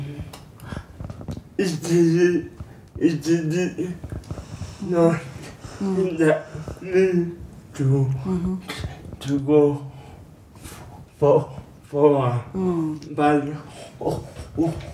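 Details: Young man with mild cerebral palsy attributed to prolonged labour over 20 hours (did not cry at birth), hands affected, schooled where he could learn speech; dysarthria (cerebral palsy).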